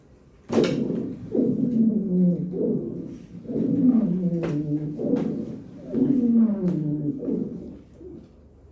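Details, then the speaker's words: Repeated breaths carry a high-pitched, musical, whistling tone with several pitches together, rising and falling with each breath, played in a pediatric cardiorespiratory rehabilitation class; wheezes (sibilancias). "Esa es la sibilancia. Es claro que se escucha un silbido, ¿cierto?"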